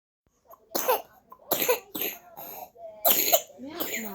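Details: Baby with a cold and runny nose coughing: several short, harsh coughs in succession with fussy whimpering between them, unsettled in any position.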